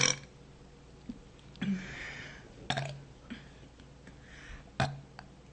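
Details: Woman voluntarily burping: several short, deep burps over steady room noise.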